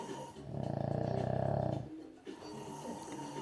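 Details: Ordinary snoring recorded late at night, either a dog or a man (brother), unclear which: a loud, low, rattling snore on the in-breath, fading into quieter breathing.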